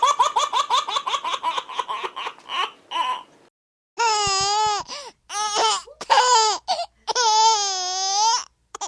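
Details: Baby sound-effect collection: bursts of baby laughter give way to loud, high-pitched wailing cries in long sustained bouts, ordinary infant crying.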